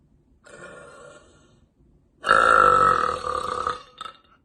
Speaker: Short, loud, and powerful.